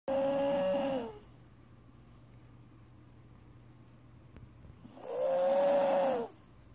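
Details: Subject snoring: two loud, drawn-out snores with a whistling, musical tone, separated by a quiet pause of about four seconds.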